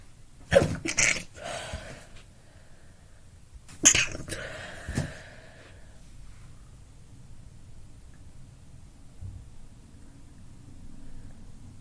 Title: Louder Sneezing fit